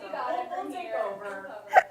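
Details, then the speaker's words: Adult female meteorologist hiccuping while presenting a live weather forecast: her speech is interrupted near the end by a single abrupt, sharp, voiced gulp; she apologizes for the hiccups. "Excuse me, I think I have hiccups. I'm so sorry."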